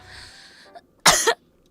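A single short, harsh cough after a brief stretch of quiet room noise.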